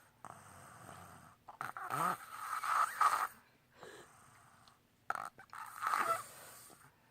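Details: A 4-year-old girl snoring very loudly in sleep: loud, harsh snores with a whistling, honking edge on each breath, separated by brief quiet pauses.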